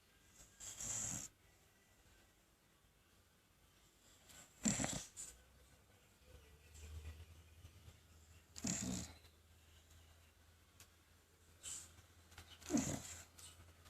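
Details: Soft, irregular snoring breaths about every three to four seconds, roughly 15 a minute, in a quiet room.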